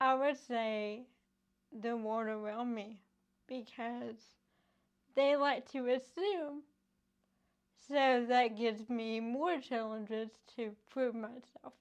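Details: Adult woman with cerebral palsy caused by lack of oxygen and bleeding in the brain before birth, affecting her motor skills including speech; currently in speech therapy using an IOP device to strengthen mouth muscles: dysarthria (cerebral palsy).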